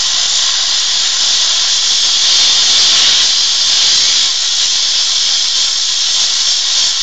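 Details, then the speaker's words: Dental lab steamer: loud continuous hissing as the surface of a finished porcelain crown is steam-cleaned before glazing. "I just I just go over with seam and make sure my Surface is nice and"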